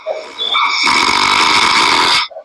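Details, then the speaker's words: An exaggerated, acted imitation of a husband's heavy snoring in a comedy skit: a single loud, harsh, rasping snore lasting about a second and a half. "I can't just sleep how did I end up marrying a man that's not so heavily like a grinding machine what do I do now"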